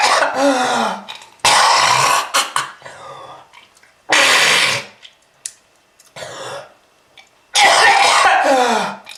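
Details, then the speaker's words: Acted smoker's cough presented as smoking-related lung disease with red-coloured sputum: harsh, wet coughing bursts with throat clearing and gurgling; wet cough. "that red color is not from fruit punch kids if you want this to happen to you just keep smoking this is lung disease"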